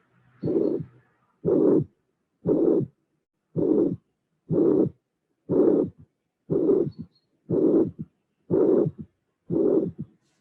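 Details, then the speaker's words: Mitral regurgitation with third heart sound, teaching example: regular beats about 60/min. A blowing murmur fills systole, followed by a soft, low-intensity, low-frequency "boom" third sound after the murmur. "the third sound is a low intensity low frequency sound is not like is like boom is low frequency sound"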